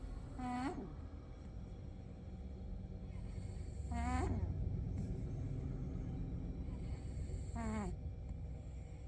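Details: Snoring from a grown male house cat, once a kitten and now bigger than the household's other cat.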